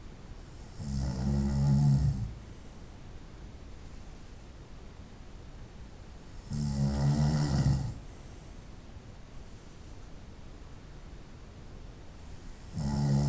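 Three loud, low, rattling snores on inhalation, about six seconds apart (roughly 10 breaths a minute), with quiet breathing between them.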